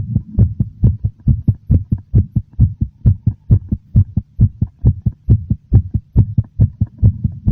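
Strong, regular heartbeat thumps at a fast pace, about 135 beats a minute.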